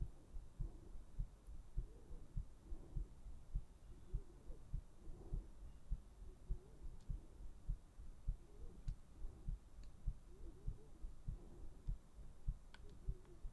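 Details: Steady, soft, low thumping heartbeat at about 100 a minute with faint background hiss, recorded for sleep ASMR.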